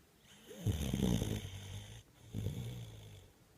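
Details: A sleeping male gives two low, rattling snoring breaths with a quiet pause between them; snoring.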